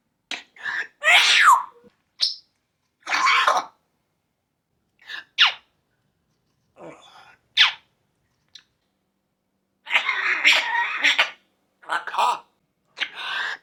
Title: Bird Coughing and Sneezing Compilation 🤣 #birds #animals #pets #funny #youtube #parrot #lol #fun